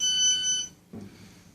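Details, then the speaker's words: Gemstar infusion pump used for IV patient-controlled analgesia, alarming because the cartridge is not in the pump while the PCA is being ceased: a shrill, high electronic tone that stops abruptly, then soft handling noise. "the pump's always going to alarm while this cartridge is not placed in the pump therefore whenever you're ceasing a PCA you need to have the cartridge in the pump"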